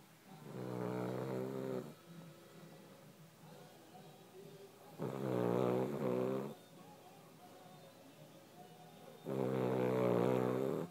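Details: A sleeping dog snoring: three loud, rough, buzzing snores about every four seconds, with quieter breathing between them.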